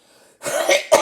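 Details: Two loose, rattly coughs, a wet cough from phlegm in the throat, in an adult singer who currently has bronchitis.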